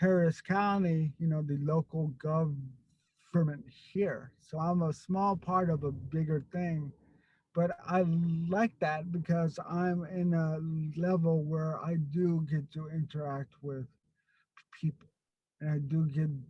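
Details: Stuttering in an adult man who grew up with a severe overt stutter, was later helped by a stuttering program, and still gets stuck on a word here and there.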